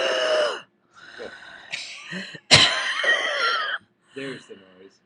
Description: A nonorganic disorder in which a person’s vocal cords partially or fully close during breathing, which causes noisy breathing.